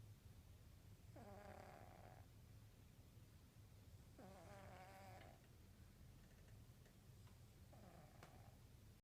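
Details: Diabetic orange cat, about 15–16 years old, on two units of insulin twice daily, sound asleep: soft, buzzy, tonal sounds with each breath in, about three in nine seconds, over steady background hiss; snoring.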